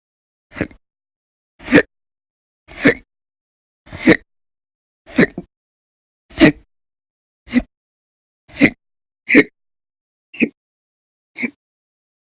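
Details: Recurrent hiccups, self-described as violent and very loud, with episodes lasting from minutes to over 12 hours on several days in November 2019.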